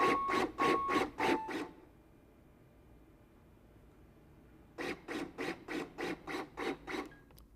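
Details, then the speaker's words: A LUCAS mechanical CPR device in training gives rhythmic compressions at about 100 a minute, then in Active 30:2 mode pauses about three seconds for two ventilations before compressions resume. "Active 30 to 2 does 30 compressions, then pauses 3 seconds so you can give 2 ventilations."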